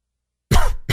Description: Very dry and wheezy cough...allergies!